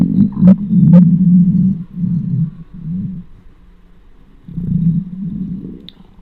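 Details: Hungry, empty stomach recorded with the microphone close: low, rolling gurgles and rumbles that rise and fade irregularly, normal bowel sounds (borborygmi).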